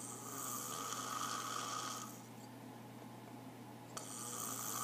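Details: Person snoring: loud, rough, noisy breath sound lasting about two seconds, then a quiet pause before the next one.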